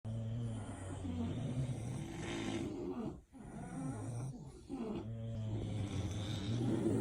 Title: Snoring Bulldogs Henry Lilly Opie Rhett Zane Harley